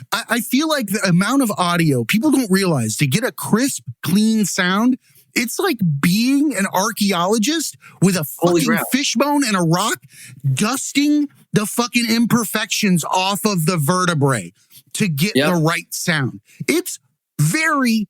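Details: Adult man speaking; ordinary speech.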